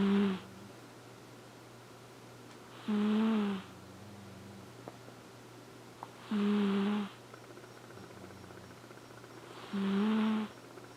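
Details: Flame Point Siamese cat Elfin snoring adorably for one minute.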